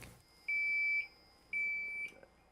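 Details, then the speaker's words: Therapy unit used on a student athlete's muscles eight months after surgery for midback fractures; it sends pulses to fatigue and relax the muscles and ease spasms and inflammation. Two steady, high-pitched half-second electronic beeps in a quiet room. "Dr. Ozar uses ultrasound to send a pulse of electricity into Jeremiah's muscles so that they fatigue and then relax."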